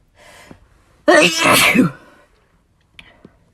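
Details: Sneeze from a compilation: a quick inward breath, then one loud explosive sneeze with a voiced cry-like tail and a short exhale, an ordinary single sneeze.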